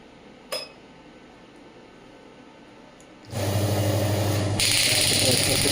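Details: A click, then loud steady rapid buzzing hammering as a radial pneumatic extracorporeal shockwave therapy (ESWT) device runs (maximum 12 bar).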